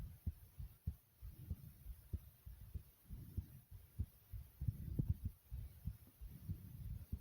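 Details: Person's own heartbeat recorded at normal pace; normal heart sounds.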